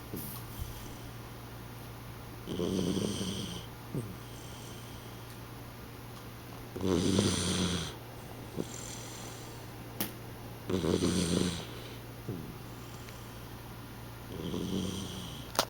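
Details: Sandy snoring: four rough, rumbling snores about every four seconds, roughly 15 a minute, with quiet pauses between them and a steady low hum in the room.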